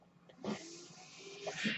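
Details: Home mechanical ventilator noise heard during a podcast recording by its user; a soft rising and falling hiss of pushed air with faint tones as the ventilator delivers a breath.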